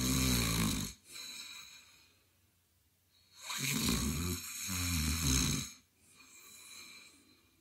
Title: Male Snoring Sound Effect